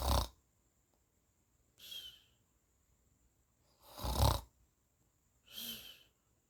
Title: Snoring sound effect. Efek suara mengorok